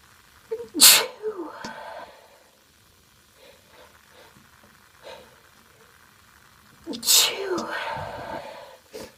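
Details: Female sneezing: two loud, explosive sneezes several seconds apart, each with a brief intake of breath before and a trailing breath after.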